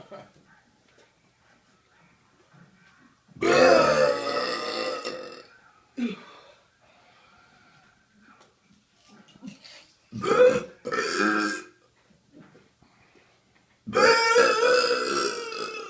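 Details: Repeated burping: three long, loud voiced belches with a few short ones between them, in a quiet room.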